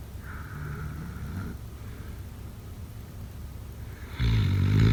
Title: Snoring sounds… #6